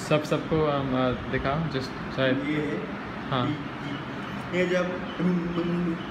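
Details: Adult man speaking Hindi; no speech disorder.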